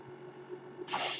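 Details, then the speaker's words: Steady low mechanical hum, then a sudden rush of airy hiss as the speaker's own ventilator delivers a breath during podcast speech: mechanical ventilator breath cycle. "My name is. That noise you're hearing is my ventilator, and thank you for tuning in to Page Turners They Were Not,"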